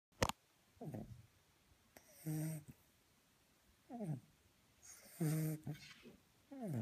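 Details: Snoring from a sleeping puppy: repeated soft snorts and squeaky, whistling nasal breaths roughly every two seconds, with some tonal whines between.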